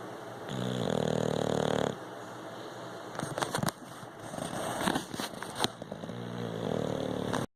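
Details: Loud, rattling snores on breathing in, separated by quieter breathing and some background noise; ordinary snoring during sleep.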